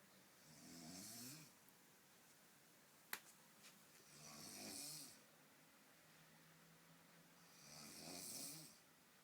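Three slow, hissing, rattling breaths about 3.5 seconds apart in a quiet room; snoring at about 17 breaths a minute.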